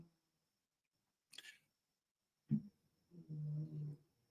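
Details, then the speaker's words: Low humming snore from a sleeping fat Bulldog, heard in the background. "that's strawberry snoring everything so yeah the snoring noises is actually the dog's snoring so yeah that's it's a low hum how cute it it's just my fat Bulldogs purring"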